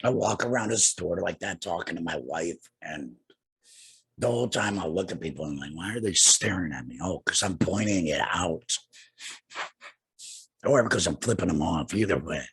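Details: Adult man two years after laryngectomy for laryngeal cancer, speaking through a tracheoesophageal puncture voice prosthesis by finger-occluding his HME stoma cover: tracheoesophageal speech after laryngectomy.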